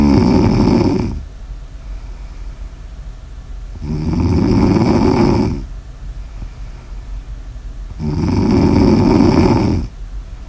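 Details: Snoring ASMR audio recording: loud, harsh rumbling snores on the in-breath, three in about ten seconds (roughly 15 breaths a minute), with quiet gaps between.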